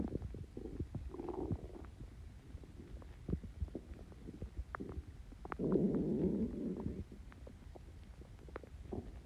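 Gurgling, bubbling rumbles with a longer growl, ordinary stomach growling from gas moving through the gut.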